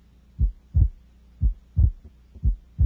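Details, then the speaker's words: Normal adolescent S1 and S2 heard over the second intercostal space: soft, low paired heart sounds at about 60 a minute, with S2's A2 and P2 splitting more widely during inspiration than expiration. "note that the second sound is composed of two components A2 and P2 separated more widely during inspiration"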